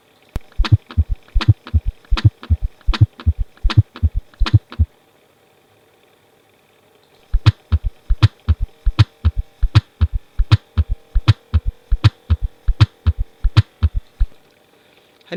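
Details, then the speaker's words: Gallop rhythm demonstrated at a heart rate of 80 in a pediatric heart sounds lecture: regular heart sounds with an extra low beat in each cycle. "ده الصوت اللي احنا سمعناه اللي هو بيحصل فيه الجلب ماشي مع في خلال الهارت ريت 60 طب هنسمع بقى الجلب لما يكون الهارت ريت 80 هنسمع الصوت دوت"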